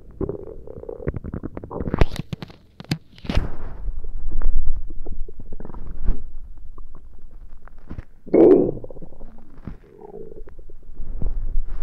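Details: Stomach gurgling during a tummy ache: loud, low gurgling and rumbling bowel sounds in bursts; active borborygmi.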